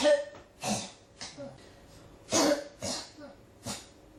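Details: Six harsh cough bursts in about four seconds, coming one after another; a persistent cough that won't stop.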